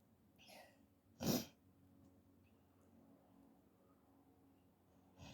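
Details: A single sharp, explosive sneeze after a faint intake, triggered by a Covid test nasal swab; harsh sneezing that hurt the throat; sneeze.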